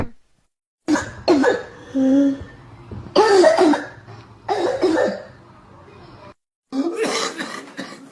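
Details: Five harsh, forceful coughs in separate bursts, some with a hoarse voiced tail, about 45 a minute, shown to illustrate cough types, possibly whooping cough.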